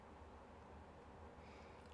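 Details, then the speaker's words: Quiet, low stomach growling (borborygmi) from a young woman who has not eaten yet and says she is hungry. "がっつり聞こえた。すっごいお腹なりますね。いや、なんかさ、まだご飯食べてないからだね。"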